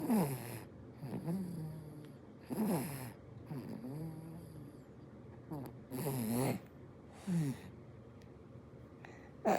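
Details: Sleeping baby girl snoring: regular rattling snores with each breath, roughly every two seconds; ordinary infant snoring.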